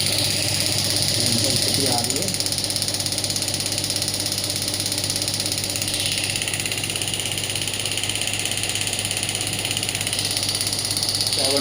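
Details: Biotronix pneumatic radial extracorporeal shockwave therapy device: rapid regular tapping pulses over a compressor hum; pneumatic shockwave device firing.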